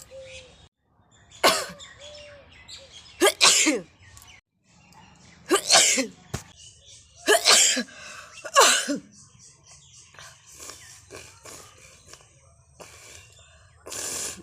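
Five loud, sharp sneeze bursts with quieter sniffing and nose-blowing noises between them.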